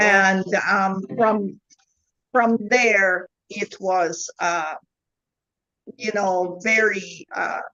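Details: Adult woman with foreign accent syndrome since 2010; foreign accent syndrome.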